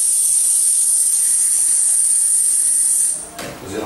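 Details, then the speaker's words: Tinnitus simulation of a ringing tone, played during a talk on hearing-aid therapy for tinnitus and deafness; patients describe such sounds as tuning forks, cicadas or little bells. "il paziente si riferisce a suoni che conosce tipo il diapason la Vespa il rumore del mare il bacon che frigge le cicale sono tra le più gettonate le campanelline"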